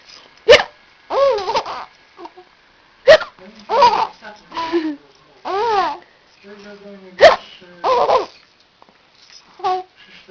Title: Czkawka Hiccup